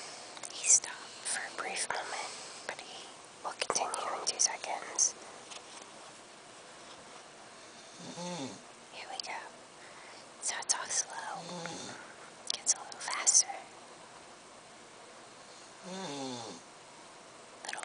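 Repeated rough, rattling breath noises, some with a low fluttering tone, along with hissy, whisper-like sounds; snoring.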